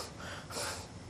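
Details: Child with cleft palate; nasal air emission (cleft palate speech).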